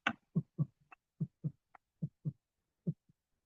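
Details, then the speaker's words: Fourth heart sound (S4 gallop): regular paired heart sounds near 70 a minute with a soft extra low beat just before S1, demonstrated in teaching on S3/S4 gallops as possible heart failure signs. "طب اس ف اس ف يجي لي خابطه قبل اس 1 اس ف يجيلي خابطه قبل اس فاسمعوا كده"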